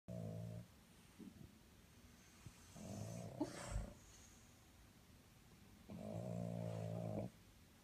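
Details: Dogs sleeping after a 3-mile run and 1-mile skateboard, snoring like humans: rumbling, fluttering snores at irregular intervals against steady room noise; dog snoring.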